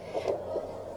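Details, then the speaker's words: Quick, soft whooshing pulses heard with a Doppler on the mother's abdomen during a labour-care (intranatal) demonstration: regular fetal heartbeat, 147 beats per minute, normal. "kita sudah mendapatkan hasilnya adalah 147 kali per menit iramanya reguler"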